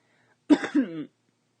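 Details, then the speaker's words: A single brief adult cough during a live Q&A stream: a sharp burst with a short voiced, throat-clearing tail, then silence. The speaker then remarks that he just coughed. "Don't make any comments. Yeah, I just coughed. No comments."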